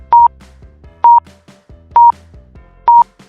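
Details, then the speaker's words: Pulse oximeter beeps at about 65 per minute, evenly spaced and regular, demonstrating a normal rhythm without arrhythmia; beep speed reflects heart rate and pitch reflects oxygen saturation. "1つ目の症状は不整脈がないことです。でも2つ目は不整脈です。"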